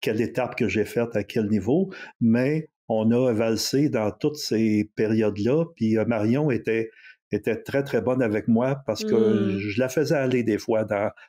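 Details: 64-year-old recently retired adult who stutters, who chose to change his relationship with stuttering after retiring, over a year ago; stuttering.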